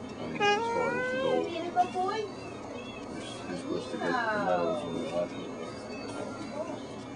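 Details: Infant with tracheostomy on ventilator; infant vocalization with tracheostomy on ventilator.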